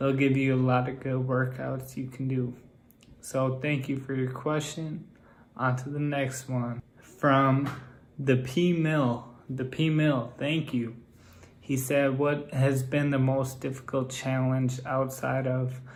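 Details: Male with Friedreich's ataxia whose speech has become progressively more impaired. Ataxic dysarthria.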